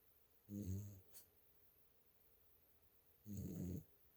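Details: Dog Lil Caeser snoring in sleep: two soft, low, rumbling snores with a brief snort between them.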